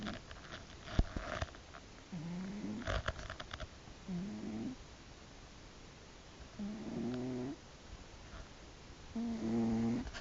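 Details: Sleeping cat snoring: soft, buzzing snores on each in-breath, with a few clicks and rustles in the room.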